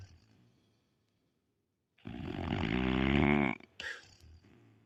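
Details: Pit bull dog snoring while asleep: one loud, rumbling, groaning snore lasting about a second and a half, followed by a snort and quiet breathing.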